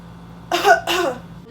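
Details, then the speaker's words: Voluntary cough in a postoperative deep breathing and coughing exercise taught by a student nurse: after a deep breath in through the nose, two deliberate coughs in a row, pillow held against the incision; patient reports slight pain. "Then again, I would like you to take a deep breath through your nose and cough 2 times in a row."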